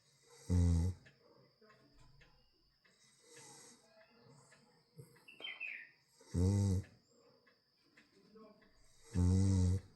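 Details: Sleeping cat snoring: loud, low, rumbling snores, three strong ones in ten seconds with softer breaths between.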